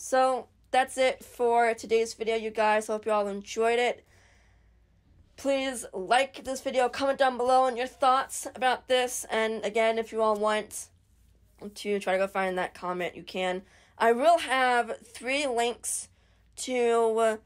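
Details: Adult woman stuttering since age 10, over ten years, progressively worsening; mainly throat blocks lasting 5–45 seconds, trouble with S, H, L, M, K sounds, varies day to day; stuttering.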